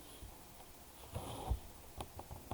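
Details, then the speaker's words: Young daughter asleep with a blocked nose: faint, low snuffly snoring breath from nasal congestion, quiet room noise. "Alors si vous entendez ronfler, hein, c'est la petite demoiselle. Parce qu'elle est, elle est un peu plus, elle est un peu éloignée de moi, hein, mais et vu qu'elle a le nez bouché, forcément, vous l'entendez beaucoup plus."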